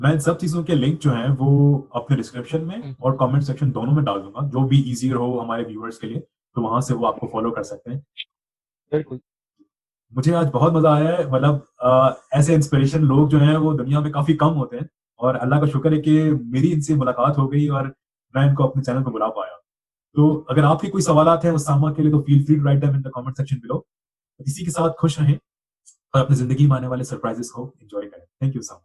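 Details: Adult male speaker; typical speech.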